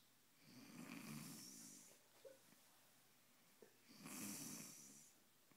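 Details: Person snoring loudly "like a horse" during sleep: two loud, rough, rattling breaths drawn in a few seconds apart, with quiet between them; typical snoring.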